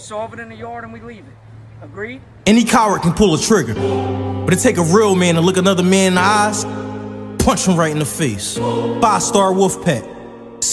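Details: Adult male speaker; ordinary speech.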